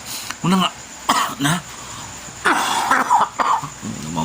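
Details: Several loud, harsh cough bursts in short bouts with quiet room noise between them; a persistent cough the vlogger says is getting worse.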